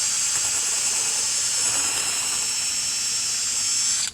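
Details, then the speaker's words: Total knee arthroplasty with mechanical alignment for knee osteoarthritis: continuous high-pitched whirring of a powered drill boring along the femur's longitudinal axis into the medullary canal for the intramedullary guide. "hold the femur between your fingers place the drill on the marked spot and align the drill with the longitudinal axis of the femur use gentle pressure to drill deeper and let the drill find the medular"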